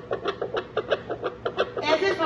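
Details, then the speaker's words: Fetal heart rate on a handheld Doppler moved in circles over the pregnant abdomen during clinical-skills practice, with a stated normal range of 150–160: rapid, regular whooshing pulses; fetal heart sounds. "por lo tanto estemos ser sonido de un latido del corazón seguiremos buscando de forma circular hasta escuchar el sonido"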